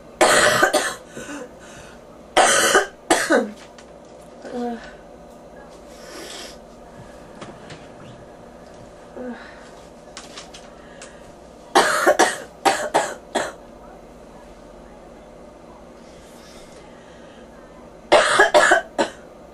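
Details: Person with bronchitis and fever, ears popping, four bouts of harsh, forceful coughing, about a dozen coughs in all; bronchitis cough.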